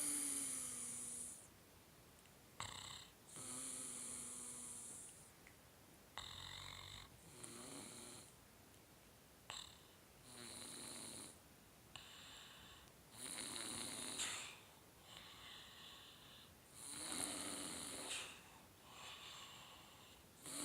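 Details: Snoring: soft and hissy with a whistling edge, about 18 breaths a minute, with a somewhat uneven rhythm.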